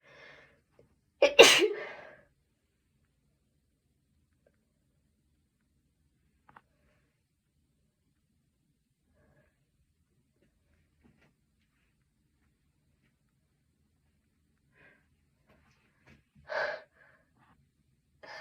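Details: Adult who was either sick this week or had allergies finally able to sneeze: one sharp, forceful sneeze, then quiet and a brief relieved exclamation.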